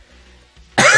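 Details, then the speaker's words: Adult with a viral chest infection for about a week, coughing intermittently: near-silence, then one abrupt, harsh cough burst cut off at the end. "and as you can hear too, I still have a wonderful lung infection. So I'm going to be intermittently coughing."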